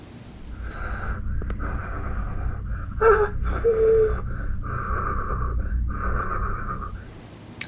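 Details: Laerdal SimMom maternal simulator breath sounds through chest and mid-axillary speakers, heard with a stethoscope. Steady whistling tone through repeated breaths with a few brief squeaks; simulated wheeze.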